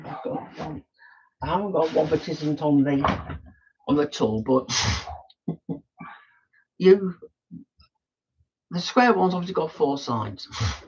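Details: Adult male with Tourette syndrome, tics quite bad that day by his account; frequent snorting and throat-clearing tics while talking; vocal tics (Tourette syndrome).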